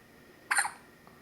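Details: Baby with hiccups, her second bout of hiccups in two days; a single short, sharp hiccup in a quiet room.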